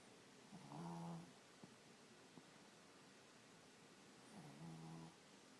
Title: Snuggles and snoring